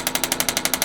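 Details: Shockwave therapy for shoulder pain, medium red tip on the top-of-shoulder muscle with gel, patient lying on the table: rapid regular clicking pulses, roughly twelve a second.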